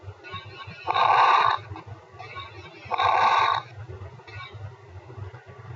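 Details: Two loud, noisy breath phases with rough, bubbling crackles over ongoing low rumbling; coarse crackles.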